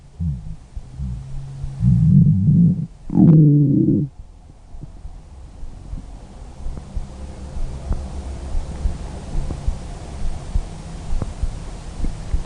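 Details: Stomach growling: low rumbling, gurgling growls with longer swells, then softer bubbling gurgles.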